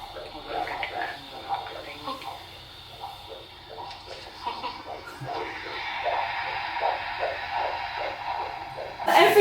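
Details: Second-trimester midwife check: a Doppler picks up the fetal heartbeat, heard for the first time, as rapid, regular whooshing pulses at about 150 a minute, a normal rate, with fetal movement sounds noted; mother is Rhesus D negative.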